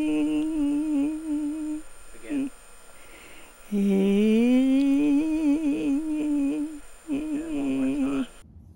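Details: Female with bilateral superior laryngeal nerve injury: neither vocal cord lengthens, she cannot reach falsetto, and the cords fail to tighten as she tries to rise in pitch; failed pitch rise.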